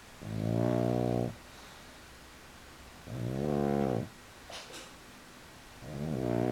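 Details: Pug sleeping on his back with legs up for the first time: loud, buzzing snores on each breath, with quiet gaps between breaths; snoring.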